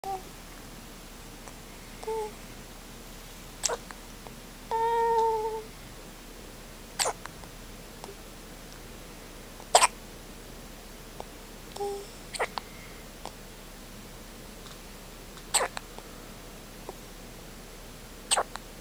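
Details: 24-hour-old newborn with hiccups: sharp, abrupt hiccup sounds every few seconds, about six in under twenty seconds, with brief tonal vocal sounds between; hiccups.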